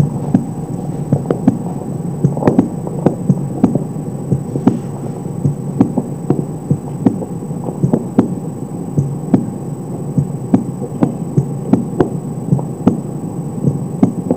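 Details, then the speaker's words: Normal heart sounds at the mitral focus, possibly with the patient lying on the left side: regular, about 85 beats a minute, distinct first and second sounds, no third sound, some background noise. Real or simulated not stated. "primeiro e segundo são bem individualizados sem terceiro sol algum ruído G1"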